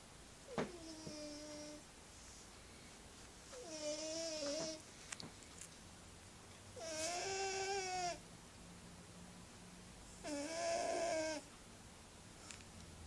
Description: My noisy wee cat snoring.